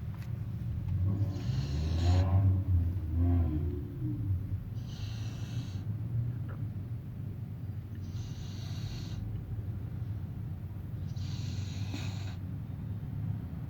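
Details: Rhythmic low rumbling snores with breathy hissing exhalations, about four cycles over fourteen seconds; snoring.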